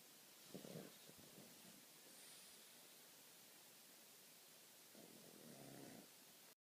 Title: Nacho the Snoring pug